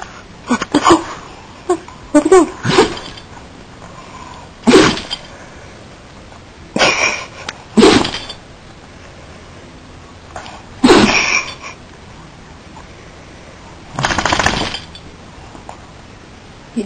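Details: Dog sneezing repeatedly, about six short explosive nasal bursts with quiet gaps and faint sniffing between them; frequent sneezing.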